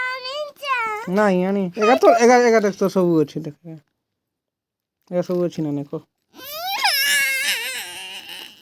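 High-pitched, wavering infant cries in short bursts, with a lower voice in between in a small room.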